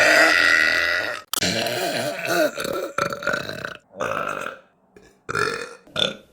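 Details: Woman burping deliberately: several loud, drawn-out voiced belches in a row, some rising and falling in pitch.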